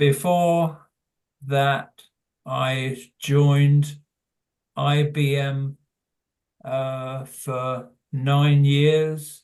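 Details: Adult man with primary progressive aphasia; hesitant speech; primary progressive aphasia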